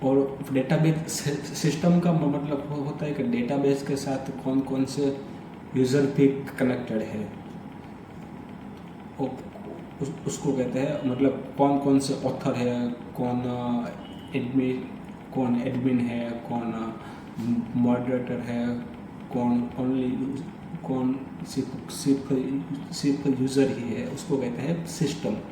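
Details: Adult Hindi-speaking man who stammers, doing storytelling practice as part of daily fluency practice (breathing, tongue twisters, storytelling); stuttering.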